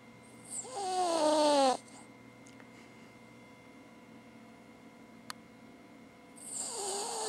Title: Cavalier King Charles Spaniel Abbers Snoring With Her Tongue Hanging Out!